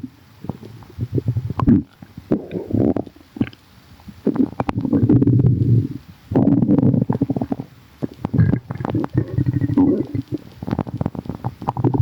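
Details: Bowel sounds: long bubbling, gurgling stomach rumbles with short popping bursts from gas and fluid moving through the gut.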